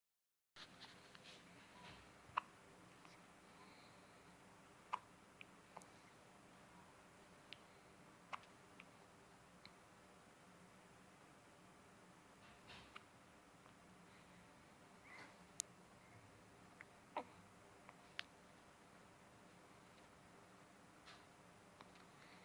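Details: Infant son hiccuping for only the second time since birth: soft, sharp little clicks at irregular intervals, about 23 a minute, in a quiet room; infant hiccups.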